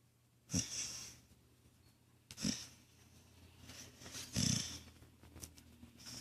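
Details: Blue Heeler dog asleep on a chair, snoring: irregular snorting, snuffly snores with a hissing edge, about 30 a minute, steady room hum underneath; later woken.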